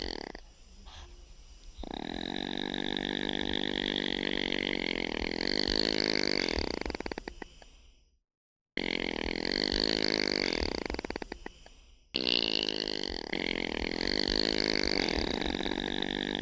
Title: Opossum sounds | How does an opossum snore